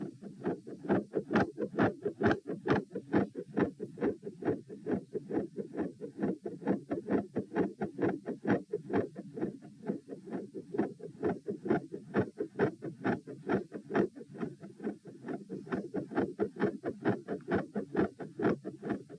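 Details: Heart sounds recorded at position P while standing, 132 bpm, reproducing the symptom of feeling unwell and about to drop after 5-10 minutes standing: fast, with patterns that change; silent halfway, then increasingly louder; tachycardia with third heart sound, fixed split S2, murmur.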